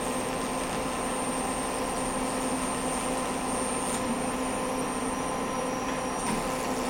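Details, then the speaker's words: Steady, loud whooshing hum with a faint high whine from an Ellman Cortex CO2 laser, fractional handpiece at about 4 ms and 80% overlap, lasering the base of a keloid from a torn-out piercing in a Caucasian patient. "so what we're going to do is laser the base of this keloid now with the the uh Elman cortex laser"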